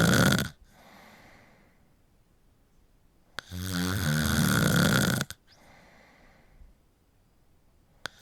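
Loud, harsh, fluttering snores on breathing in, separated by quiet breaths out; typical snoring from a vibrating upper airway.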